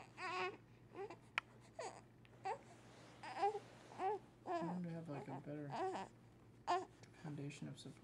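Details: A baby during tummy time, which he dislikes: short, fussy wails and whimpers in a small room with a steady low hum behind; infant crying in protest.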